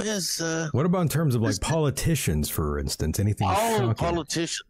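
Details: Adult male speaker; no disorder.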